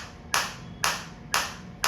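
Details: Focused (not radial) shockwave therapy applicator firing at minimum intensity: sharp, regular snapping clicks about twice a second over a low hum.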